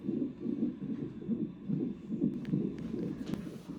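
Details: Fetal heartbeat on the monitor during a Pitocin labor induction at 39 weeks 5 days: rapid, regular whooshing beats, about 145 a minute, a normal fetal heart rate.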